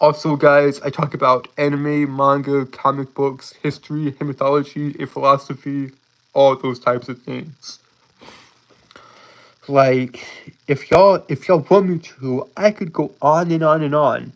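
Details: Lifelong speech impediment present since birth in an adult male, who holds syllables rather than repeating sounds; stuttering with prolongations and blocks.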